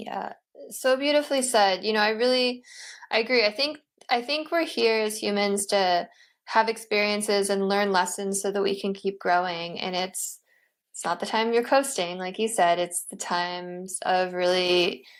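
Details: Adult woman speaking; Normal speech.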